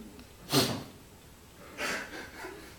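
Loud harsh snorting breath sounds in a quiet room, two main bursts with a softer follow-up; coarse snoring.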